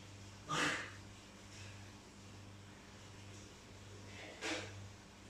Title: Kucing Manja batuk batuk